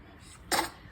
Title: Baby sneeze